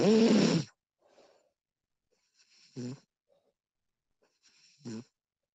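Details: Woman snoring during sleep, professionally recorded: one loud vibrating snore, then softer snoring breaths about every two seconds with faint breath noise between; ordinary snoring.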